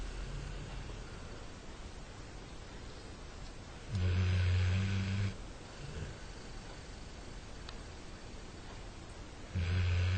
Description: My sons puppy labrador snoring